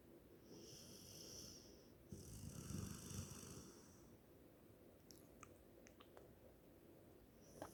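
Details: Sleeping golden retriever snoring: soft, low, rough breathing noises over faint room noise and a high hiss; quiet snoring.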